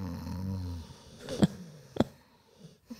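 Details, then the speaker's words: Dog named Morty snoring during a podcast: one low, rumbling snore, followed by a couple of soft clicks and room noise. "you can hear it perfectly it's Morty snoring if you're just listening"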